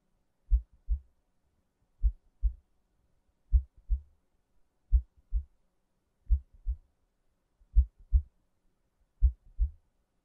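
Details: Slow, steady, clean lub-dub heartbeat at about 41 beats a minute, recorded as an ASMR relaxation/sleep sound; normal heartbeat.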